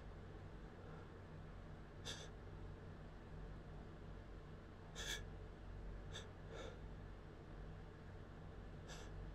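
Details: Several sharp, brief inward gasps over steady room hum, a sneeze building up that never quite comes, during build-up sneezes that felt much bigger than usual; gasping.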